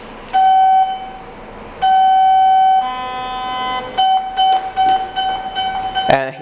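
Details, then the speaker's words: Repeated loud steady beeps, some long and some short; a Heal Force electrosurgical generator's alarm on power-up because the patient return plate is not yet attached to the skin. "you can hear the alarm because we have not attached this plate to the patient and now i will attach it to the skin"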